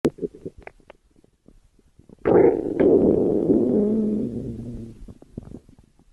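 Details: A loud, drawn-out gurgling rumble of about three seconds between faint clicks and soft sounds; stomach growling (borborygmi).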